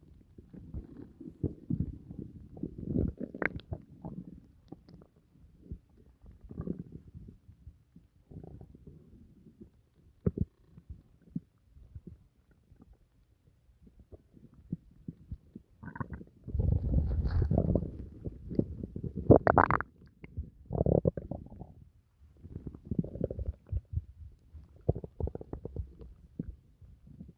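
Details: Adult's abdomen after dinner: irregular low gurgles and rumbles, ordinary stomach growling (borborygmi) from active digestion.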